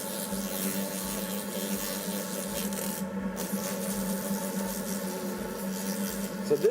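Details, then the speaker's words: Steady whirring rotary lab handpiece with soft rasping as a sandpaper split mandrel smooths acrylic of a Hawley retainer, a pre-polishing step removing bur marks from the previous bur. "this will make your pusing go by so much faster and it's going to remove all the Burr marks from the previous Burr"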